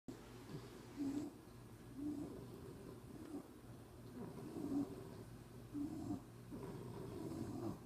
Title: Everyone is snoring